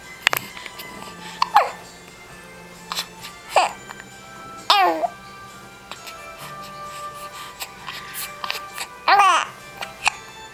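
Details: Girl hiccuping: short, abrupt voiced catches recurring every couple of seconds over soft background music.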